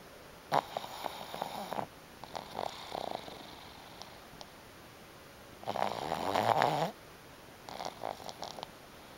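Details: Sleeping black Pug snoring: irregular snorting snores in bursts with quiet gaps between, otherwise quiet room.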